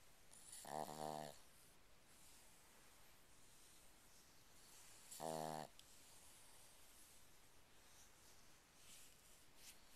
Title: Snoring Boston Terrier Anni